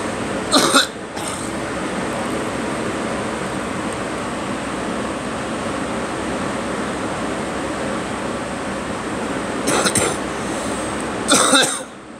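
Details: Three short, sharp coughs, one early and two near the end, over steady engine-like background noise.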